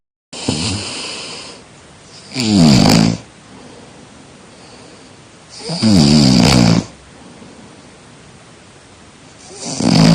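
Loud, rough snores on each breath in, about 17 a minute, with quieter breathing between them.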